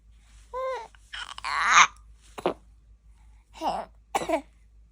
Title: 기침하면서 방귀뀌는 아기 [달콤한 크림이] Baby Coughing&Farting at once